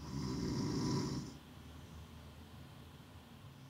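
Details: Adult woman at an overnight sleep clinic gives one low, rumbling snore-like breath: stertor, noisy breathing without obstruction; her jaw and teeth shape may mean she needs CPAP.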